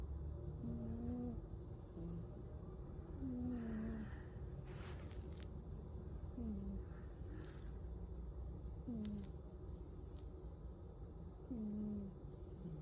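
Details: Sleeping cat snoring, not purring: soft whistling, squeaky snores repeating about 22 times a minute over a steady low rumble.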